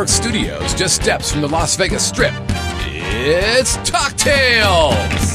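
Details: Adult male announcer over music; no voice disorder.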